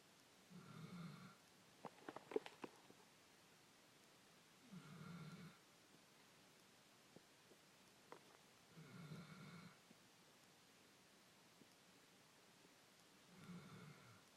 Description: scout asleep snoring